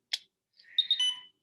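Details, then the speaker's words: Alaris IV infusion pump in a basic training demonstration, system-on button pressed: a click, then a short rising series of high electronic chimes; normal power-on tone. "So the power button for this one is over here. It says system on. I'm going to actually try to press it. There you go."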